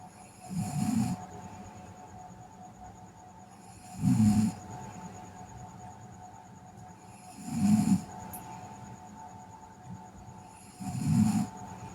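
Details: Sleeping girl snoring: four low, steady, regular snoring breaths, about 17 a minute, over a faint steady background hum.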